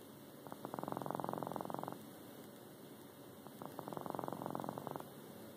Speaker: That's how he's snoring. Never heard him snore before.